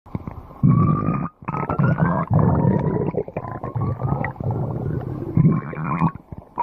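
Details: Stomach growling (borborygmi) recurring again: loud, drawn-out gurgling rumbles with rising squeaky tones, from gas and fluid moving.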